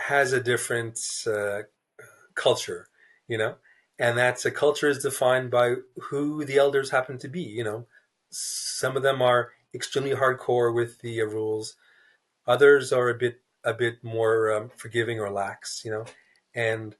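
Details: Adult man, a writer who describes himself as a person who stutters, in a real interview; stuttering.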